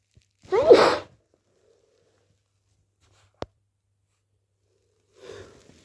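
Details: Wet, messy sneezes with false starts, possibly hay fever: one forceful sneeze, a sharp click, then a softer second sneeze-like burst.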